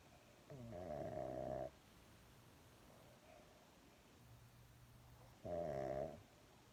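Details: Two drawn-out, buzzing snores with a whistly tone, about five seconds apart, from a sleeping Shih Tzu.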